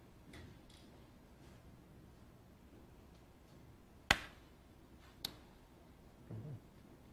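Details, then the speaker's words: Two sharp isolated clicks a second apart in a quiet room. These are single transcranial magnetic stimulation pulses for depression treatment setup, used in motor threshold testing with the hand in the hitchhiker position while watching for an involuntary thumb twitch. "it's a strong so it's an involuntary movement that shows that the electromagnetic waves are penetrating through the skull to the brain in the right spot okay"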